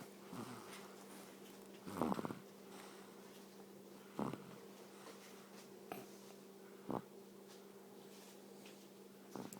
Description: Cute baby snoring